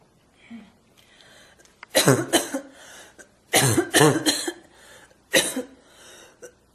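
An adult deliberately produces about six harsh, barking coughs in short clusters, imitating a croup-like cough.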